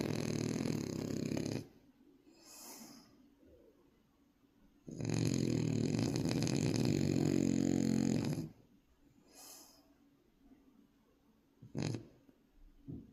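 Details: Loud rattling snores on each breath in, about 2–3 seconds long, with quiet breaths out between: snoring in a sleeping French bulldog puppy.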